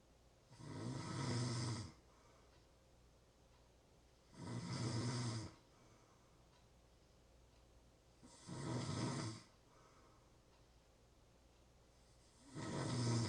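Loud rattling snores on each breath in, about 15 a minute, with quiet pauses between; ordinary snoring.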